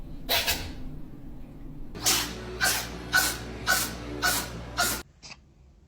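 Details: Cat sneezing: a run of seven quick, sharp sneezes, about two a second after the first.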